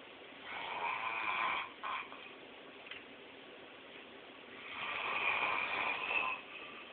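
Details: Snoring recorded on a mobile phone: rough, fluttering breath noises on two long breaths, muffled low-quality sound.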